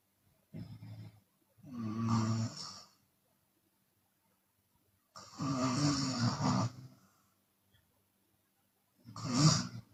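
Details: Chinese woman asleep, open-mouth snoring type, sometimes snoring on exhale: deep, rattling snores in slow cycles, about 17 a minute, with quiet pauses between.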